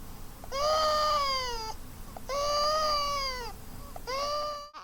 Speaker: the vocal cord on the right side of the picture is not moving, causing some narrowing at the level of the voice box and some stridor.